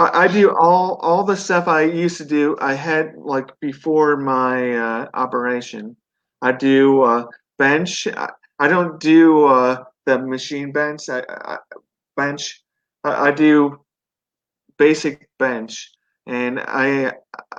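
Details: Residual aphasia in a 42-year-old man. At 17 he had a stroke from an artery rupture during benign brain tumor surgery, then an induced coma, leaving right-sided paralysis and global aphasia. He later relearned to speak.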